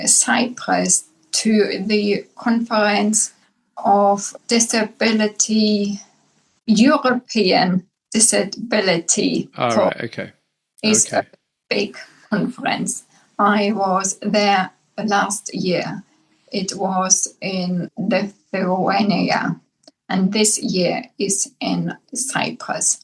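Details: Adult woman, formerly speaking five languages, with aphasia after a massive brain bleed (stroke) about 10 years earlier, initially unable to speak, speaking English; aphasia.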